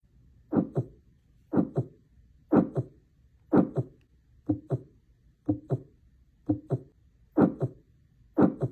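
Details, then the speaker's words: Educational audio example of a heart murmur: a steady heartbeat near 60 a minute with a soft blowing whoosh between the paired beats, from turbulent flow across heart valves. "Heart murmurs sound like whooing or blowing and are caused by turbulent blood flow across the heart valves. They're described by the stage of the heartbeat when the murmur is heard, either systolic or diastolic."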